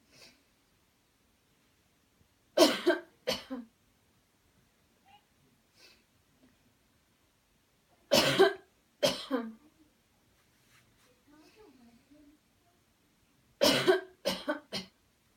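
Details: Cleansing-healing coughing technique demo: after guided counted breathing and a deep breath in, three bouts of two or three forceful coughs separated by quiet breaths; voluntary airway-clearance cough.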